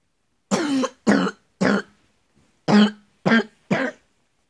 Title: coughing